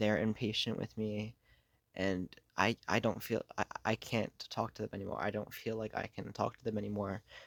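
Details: Adult who has stuttered for most of their life, worsening over the past few years, with blocks, getting stuck on words and substituting words; stuttering.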